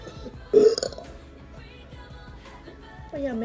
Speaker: Okay. That's a chocolate milk burp.